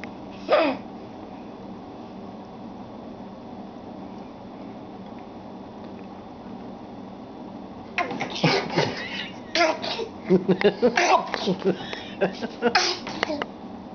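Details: Young child imitating an adult's sneeze: a single sneeze-like burst, then a string of playful fake sneezes and giggly sounds.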